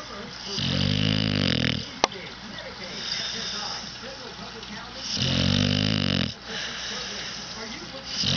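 Two loud, buzzy snores about four seconds apart, with softer noisy breathing between them. Snoring.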